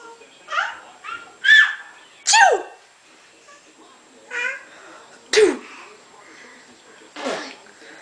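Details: Young girl pretending to sneeze: several short, sharp, small sneeze-like bursts and snuffles with brief quiet gaps.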